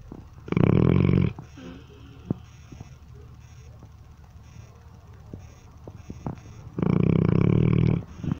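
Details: A dog snoring: two loud, deep, rattling snores about six seconds apart, with quiet breathing between.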